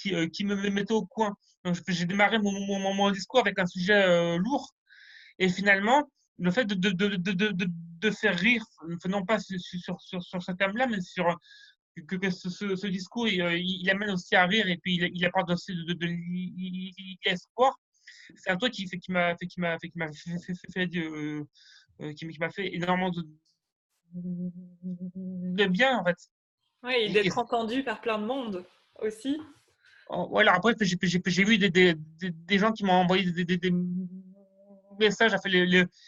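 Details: Stuttering in a person who stutters, heard during a semi-final speech rehearsal, with sound and word repetitions: stuttering.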